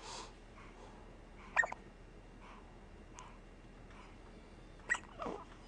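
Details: Two brief, sharp catching sounds about three seconds apart in a quiet room during Christmas photos; hiccups.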